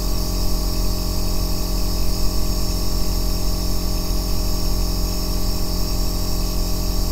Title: The Deep Bass Aerosol Nebulizer sound that cured my insomnia | O melhor Ruído Branco para Dormir